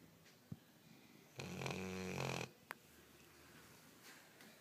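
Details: A sleeping dog gives one long, rough, rattling snore of about one second, with faint room noise and a couple of soft clicks: snoring.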